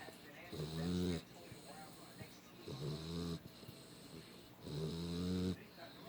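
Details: American Bulldog puppy, reportedly not even asleep, with three loud, rumbling, vibrating snores and quieter breaths between them, about 28 a minute: snoring.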